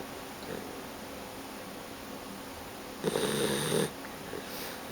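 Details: Young guide dog puppy snoring while asleep on a person's leg; snoring.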